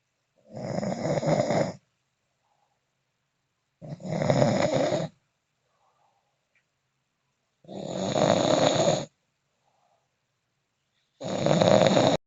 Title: The snoring champ